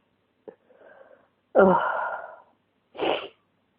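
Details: Sneezing during flu with congestion and pounding head: a quick in-breath followed by two forceful sneezes in succession.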